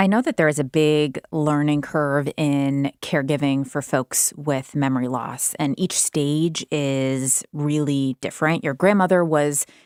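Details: Adult woman speaking; normal speech.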